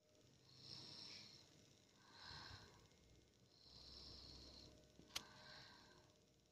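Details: Sleeping child recorded as proof of snoring: soft, hissy, noisy breaths about every 1.5 seconds with a brief click, light snoring.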